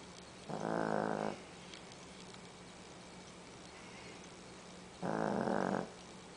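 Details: Two buzzing, rattling snores about four and a half seconds apart over a steady low hum from a sleeping 13-pound female dog; snoring.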